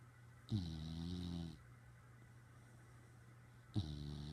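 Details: Dog lying on owner's head, snoring while staring: low, droning snores with a long rumbling in-breath, a pause, then the next snore.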